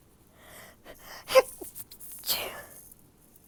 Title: Stifled sneezes